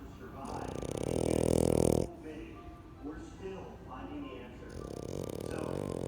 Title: Cute Video of French Bullgog Snoring